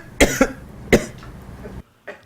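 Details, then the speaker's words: Simulated meeting in a university lecture room: an adult man gives three short, sharp coughs, staged to demonstrate a cough-recognition acoustic camera. "대학 강의실에 서 여러 사람이 모여 회의 하는 상황을 가정해 씁니다 한 남성이 기치 맞아"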